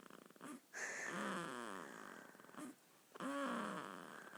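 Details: Two-week-old baby boy snoring while asleep: soft, squeaky, fluttering noises with each breath.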